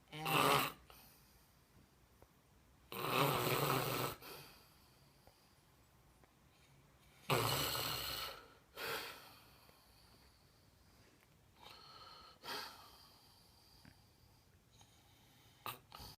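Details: Adult man, a visiting brother who fell asleep quickly, recorded by his nephew; loud rasping snores on each inhalation with quieter exhales, about four breaths in sixteen seconds in a quiet room: heavy snoring.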